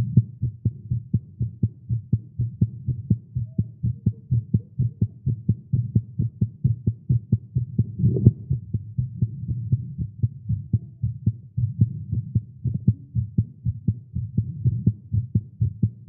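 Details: A male heartbeat recorded after exercising with caffeine, tagged as irregular and fast. There is steady, rapid, low thumping at about 125 beats a minute with a faint hum underneath, a fast heartbeat.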